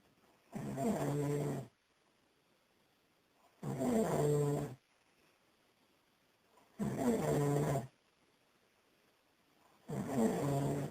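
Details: Four loud, rough, rattling inspiratory snores, about 19 per minute, evenly spaced with quiet pauses, from someone asleep after drinking too much on Boxing Day; regular snoring.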